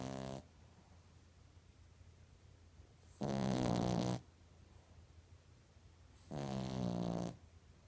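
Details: Loud, rattling snores about a second long, repeating roughly every three seconds against quiet room noise; snoring.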